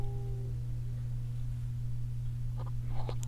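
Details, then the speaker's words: Faint, low, gliding gurgle under a steady electrical hum: ordinary stomach growling (borborygmi) from gas and fluid moving, heard while talking and likened to a werewolf. "Could y'all hear that? My stomach was growling. That was actually kind of scary. It sounded like a werewolf."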